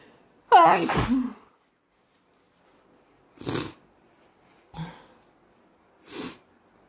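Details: Very snotty morning, induced sneeze: one forceful wet sneeze, then three softer sniffs and snorts with quiet gaps; sneezing with nasal congestion.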